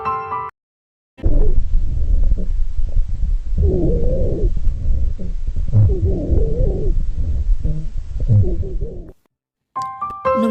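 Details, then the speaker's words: A nursing-skills demonstration of rhonchi: low-pitched snoring rumbles run through the breaths, described as mucus or fluid moving with the passing air and causing slight vibration. "ronki kering adalah bunyi nafas tambahan rendah yang dihasilkan karena adanya pergerakan kos atau cairan dengan udara yang lewat konsistensi mukus yang tidak Solid menyebabkan sedikit vibrasi"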